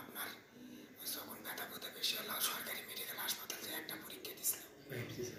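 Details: Adult patient (age given as 29 or 32), bidi smoker and paan chewer, voice normal until six months ago, with ear pain, throat pain and weight loss; biopsy-diagnosed vocal cord tumour causing hoarseness.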